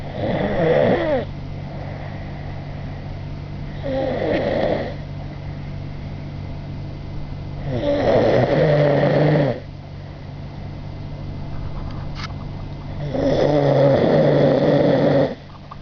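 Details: Sleeping man snoring: loud, vibrating snores in a steady rhythm, about four in fifteen seconds, over a low steady hum; ordinary snoring.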